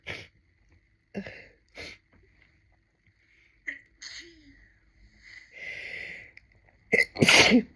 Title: Sneezing from listening to sneezing!